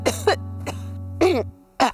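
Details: Four short, harsh acted coughs from an adult in a cough-remedy commercial, with a steady low hum in the background.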